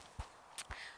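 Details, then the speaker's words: An adult's heartbeat picked up by a microphone worn under the shirt against the chest: two soft, low thumps in one second, heard beneath speech. "That's my heartbeat."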